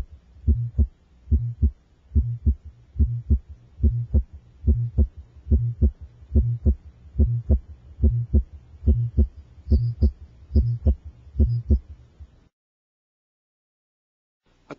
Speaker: one type of innocent murmur is Still's murmur loudest in the apost sternal region Still's murmur may have a groaning vibratory or musical quality and is audible over a wide area listen now to Still's [Music]